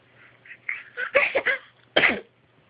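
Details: Small animal sneezing: a few soft snuffles build up, then a sharp burst and one more short burst.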